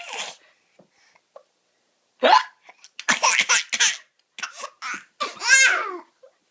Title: Baby laughing hysterically at mom's hiccups 😍😂